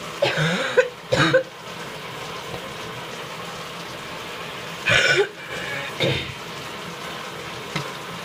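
Several wet, rattly coughs and throat clearing over running shower noise, a productive cough bringing up phlegm.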